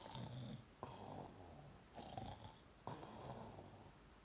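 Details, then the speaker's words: Light snoring from a dog (Sid) lying awake with his eyes wide open while watching TV: soft, snorty breaths about every one to two seconds, rough on the in-breath. "So this little lully, this one here, yeah, this little lully boo boo lully, yeah, he been snoring."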